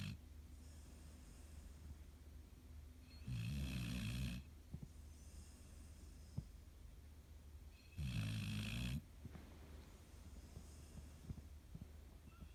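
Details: Loud snoring: two rattling snores about five seconds apart, roughly 12 breaths a minute, with quiet breathing between.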